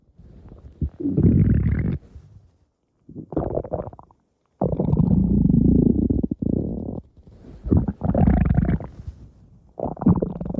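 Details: Stomach growling (borborygmi): loud, low rumbling and gurgling bursts with short pauses between them.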